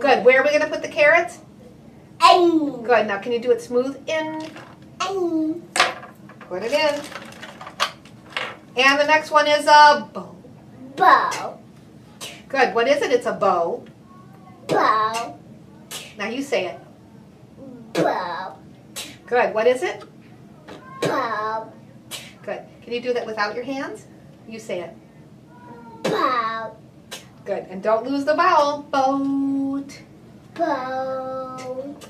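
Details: Adult clinician speaking with a young child; normal adult speech.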